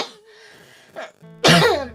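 A single harsh cough burst over faint background music, following a throat-clearing sound.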